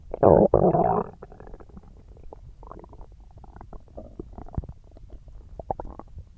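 A loud gurgling rumble, then a run of softer bubbling and popping gut sounds: ordinary stomach growling.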